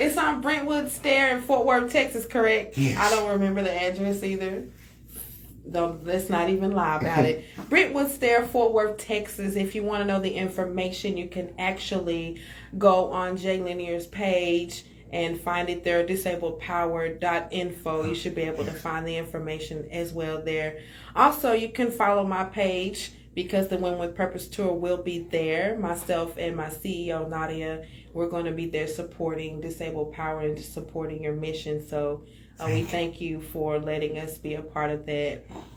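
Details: Adult speaker; ordinary speech.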